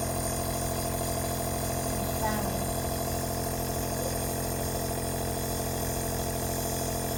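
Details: Compressor nebulizer treatment given by mom to a sneezing baby: loud steady mechanical hum and rattle of the running nebulizer, with a faint vocal sound briefly above it.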